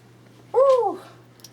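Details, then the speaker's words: Normal bowel sound during stethoscope auscultation in an abdominal exam demonstration: a single brief, rising-then-falling gurgle. "are you hungry busy in here busy now if you get bowel sounds in one quad you're off the hook"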